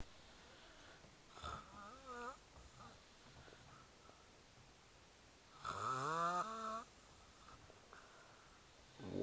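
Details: Snoring while trying to sleep in Krakow: two snoring breaths with a whistling, wavering pitched tone over a low rumble, separated by quiet.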